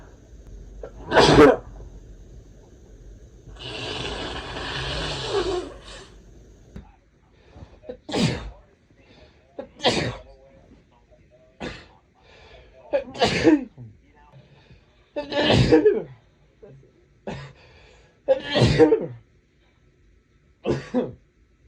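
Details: Adult man with a cold having sneezing fits: run of about ten sharp sneezes, some preceded by a noisy breath in.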